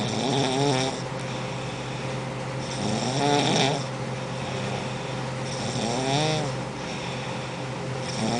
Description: Nobody can ever sleep when this lady is around